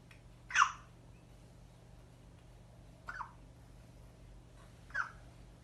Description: suara cegukan baby umur 6 minggu